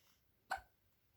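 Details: Infant nearly three months old: a single sharp, abrupt gulping hiccup in a quiet room; hiccups.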